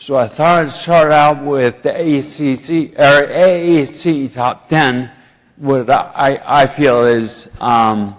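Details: Adult man with ataxia who says his ataxia causes slurring and poor speech; ataxic dysarthria.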